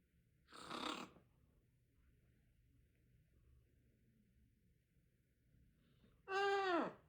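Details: Parrot pretending to snore: imitated snoring with a harsh rasping inhale and a whistled, falling exhale in a quiet room.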